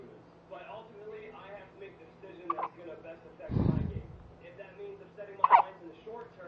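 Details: Sudden short gulping hiccups from a male between quiet talk, with a steady room hum; hiccups.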